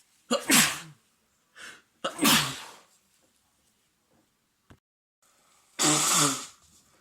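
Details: An adult man with a cold after cold, windy mountain weather, with congestion and cough, sneezing: a run of three loud, wet sneezes, each with a quick intake of breath before it.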